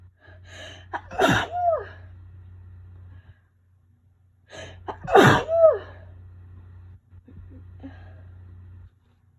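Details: Two forceful sneezes, each preceded by a sharp in-breath, over a steady low hum, from a person on day 5 of a bad cold with fever and aches, possibly flu; sneezing.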